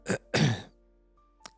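An adult man clears his throat in two quick, rough bursts, a common reflex to shift throat mucus.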